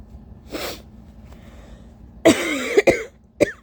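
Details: Breathy buildup inhalations, then a loud explosive uncovered sneeze with a quick second burst and a smaller final one; tissue-induced repeated sneezing in a person with allergies bothering them all day.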